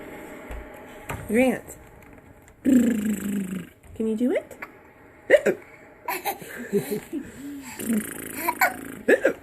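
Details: Abrupt, squeaky hiccup sounds mixed with laughter and voices in a small room; hiccups.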